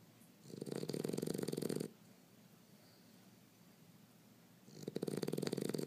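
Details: Snoring in a sleeping Pitbull: two long fluttering snores with quiet pauses between them.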